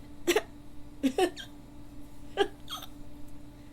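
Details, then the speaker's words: Staged sleepover role-play: a young woman trying to fall asleep has about four short, abrupt hiccups with small voiced gulps, irregularly spaced, over faint room hum; she has had hiccups off and on for about 15–20 minutes and is being tickled. "I'm really trying to fall asleep but I can't can't do to these hiccups hiccups excuse me I've had them for about I've had them off and on for about 15 20. minutes Maybe"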